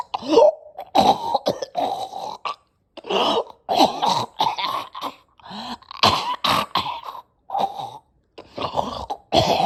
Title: Nasty coughing and choking